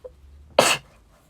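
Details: Young Japanese woman with an itchy nose and a runny nose that won't stop, recorded while talking: a single short, sharp sneeze burst with a faint breath just before it.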